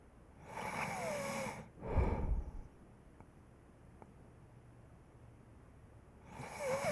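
Whistling, snorting snores with a rough low rumble on the breath out, followed by a quiet pause before the next breath.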